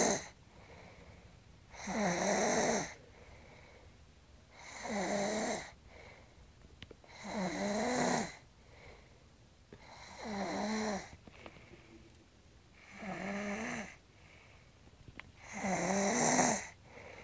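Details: Woman snoring loudly, described as like a man: rattling snores about every three seconds, roughly 20 breaths a minute, with quiet pauses.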